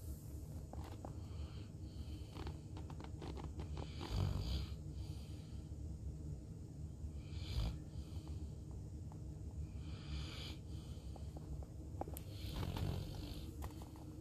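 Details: Soft, low snuffling snores from a Saint Bernard dog napping on a couch, partly buried in steady room noise.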